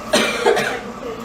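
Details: Girl coughing: one short cough with some room noise.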